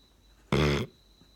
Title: Dog snores LOUD!!